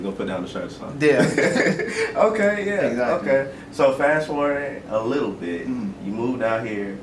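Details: Adult man speaking; normal speech.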